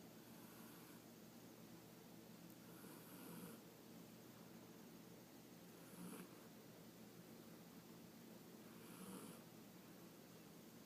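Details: Soft, rhythmic snoring on each breath, about 20 breaths a minute, over a steady background hum, recorded at 9am on a Sunday morning: snoring.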